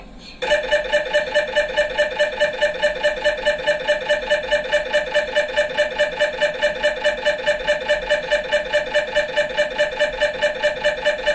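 Loud, steady, rapidly pulsing buzz repeating about 143 times a minute, the typical knocking drone of an MRI scanner during imaging.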